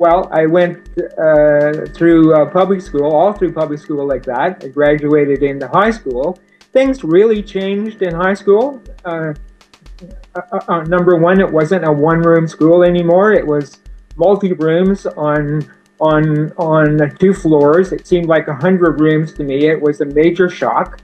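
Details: Adult man with a severe stutter since age four, linked to spina bifida, now using an anti-stuttering device, so disfluencies such as word repetitions may be reduced; stuttering.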